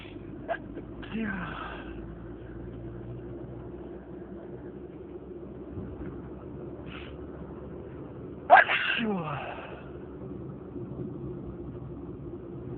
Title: Stifled sneezing fit